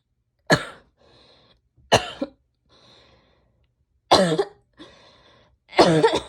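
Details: Coughing by a female: four harsh, forceful coughs with quiet breaths drawn in between, one cough breaking into a quick double burst.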